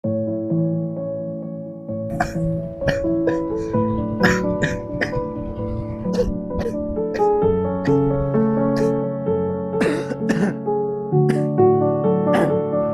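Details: Several short, acted coughs from an adult man, portrayed as possibly having dirty lungs and as having diabetes, over steady keyboard music in an advertisement.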